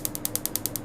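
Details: Tattoo removal laser firing during a treatment session, patient asked about pain: rapid, evenly spaced sharp clicks, about ten per second.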